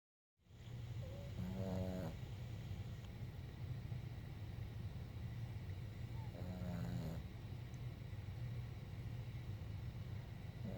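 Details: Two soft, low snores about five seconds apart over a steady low background hum. Quiet snoring.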